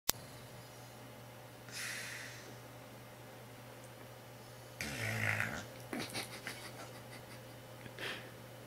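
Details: A sleeping dog snoring: soft, noisy breaths with one rough snoring breath midway, over steady room hum.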